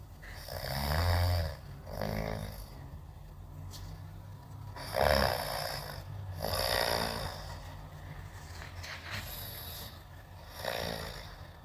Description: Drift off to the strangely soothing sounds of gentle snoring.